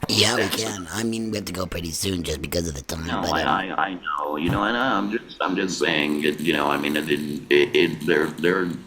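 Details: Adult man after laryngectomy speaking with an electrolarynx held against his neck, with ongoing lymphedema that made finding the placement sweet spot hard: electrolarynx speech.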